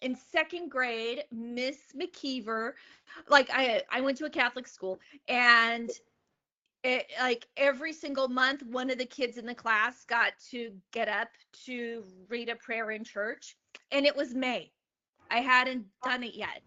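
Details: Adult woman, a comedian, who has stuttered since age eight and speaks openly about it; real stuttering.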